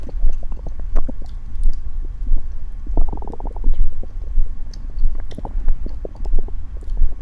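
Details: Low gurgling, squelching belly rumbles with soft chewing, recorded while eating a convenience-store dinner of pizza bun, tea eggs and corn; ordinary bowel sounds.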